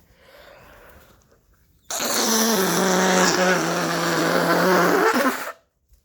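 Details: Person who woke up clogged with a horrible cold, using up tissues: a long, loud, honking nose blow with a droning tone, forcefully clearing the congested nose.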